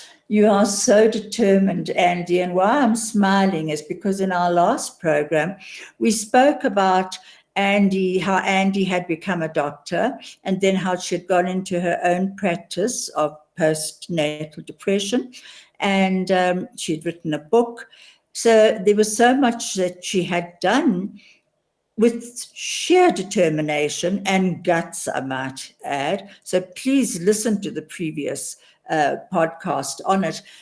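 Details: Adult woman speaking; typical speech.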